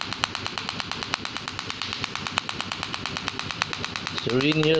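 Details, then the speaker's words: Rapid sharp clicking pulses, about three a second, from an SW12 extracorporeal shockwave therapy machine treating a male client's problem thighs and toes (unclear in speech) for pain relief; a brief voice at the end. "this is serene my customer he is here to do some shock wave on problematic ties and toes"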